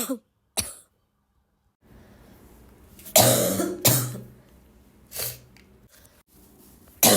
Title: would you like to hear me cough all day?